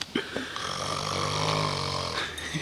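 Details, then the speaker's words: A heavily snoring man, a Marine who keeps others awake and can't be woken, gives a long, loud, buzzing rumble on a drawn-out breath in, compared to a water buffalo or a percussion band; heavy snoring. "like a water buffalo spawning it's like an Elephant Man it's like two donkeys making love"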